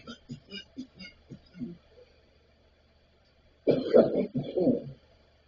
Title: Sorry about the cough. It's like I forget to breathe in my 😴